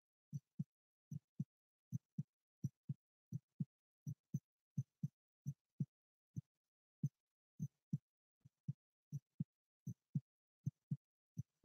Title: ASMR live heartbeat